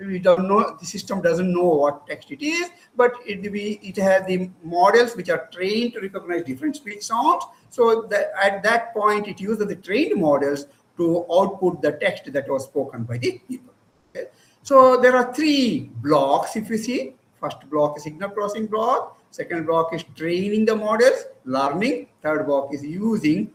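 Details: Adult presenter; Normal fluent speech.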